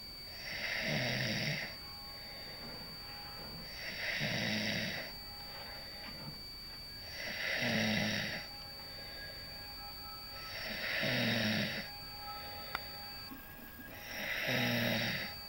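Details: Loud, regular rattling snores on each breath in, about 19 a minute, with quiet breathing out between: ordinary snoring from a mother.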